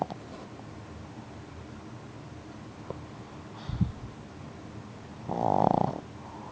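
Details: A black pug sleeping as usual: quiet breathing, then a loud, rough, snorting breath: snoring.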